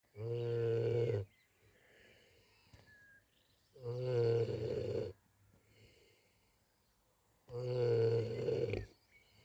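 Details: Two sleepers snoring happily on a warm spring evening: three long, loud, deep rumbling snores at about 16 a minute, with quiet pauses between; snoring.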